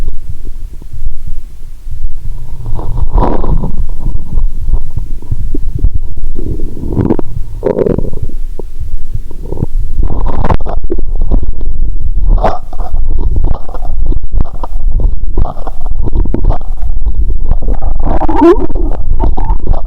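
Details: Stethoscope on the belly while lying down, after drinking cola and swallowing Mentos (not the full 1.5 L finished): loud, frequent gurgling and rumbling with some breathing noise; active bowel sounds.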